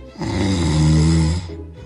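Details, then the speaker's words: Father, an extreme snorer rated 10 out of 10 by his child and likened to a sleeping pig: single loud, deep, rattling snore over a second. "From a scale of 1 to 10, my dad snores 10. like highest 10"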